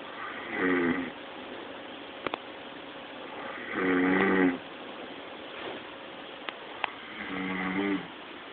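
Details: Man snoring very loudly while asleep: three loud rumbling snores about four seconds apart, roughly 17 breaths a minute, with faint room noise and clicks between them.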